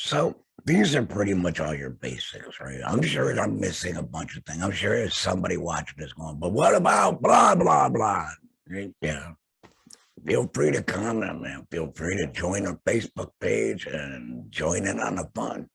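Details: Adult male laryngectomee whose larynx was surgically removed, using an HME and base plate over his stoma; laryngectomee speech.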